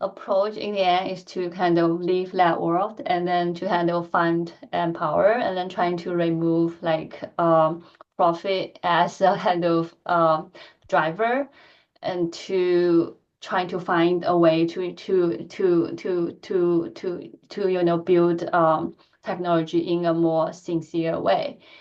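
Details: Adult woman who stutters, giving a presentation, a setting where she says she stutters more than in private; stuttering.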